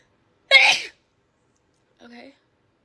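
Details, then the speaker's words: Female doing a self-administered Covid-19 nasal swab test, sneezing uncontrollably: one sharp, explosive sneeze, then a brief soft voiced sound after a pause; induced sneeze reflex. "this isn't going well oh i've only sneezed about 20 more times okay maybe the other austral would be better luck"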